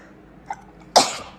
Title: "members sneezing" #sneezing